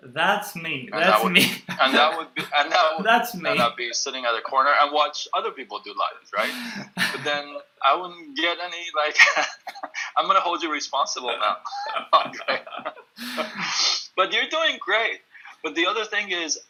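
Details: Stuttering in an adult male who works on the phone; he reports stuttering more when reading a script aloud than when speaking freely.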